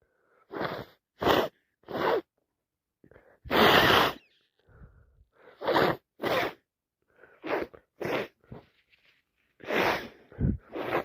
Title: Day 4 cold wet loud sneezes and blowing my nose so much